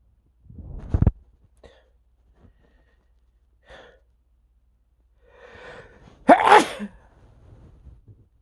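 Two loud explosive sneezes, each with a sharp indrawn breath and a burst of air, and faint sniffs between them: sneezing.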